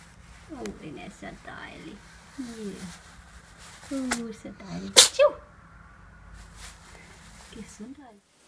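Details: Short, sharp sneeze from a cat amid quiet household talk, from a compilation of cats sneezing during allergy season.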